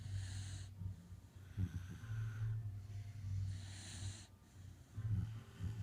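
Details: Gia and Tootie asleep: low, rumbling snores with snorting breaths over steady room hum; snoring.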